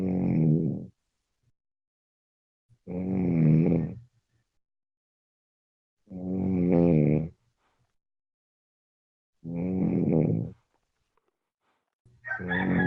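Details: Person snoring during sleep: loud, rattling snores about every three seconds, roughly 19 a minute, with silent pauses between in a quiet room.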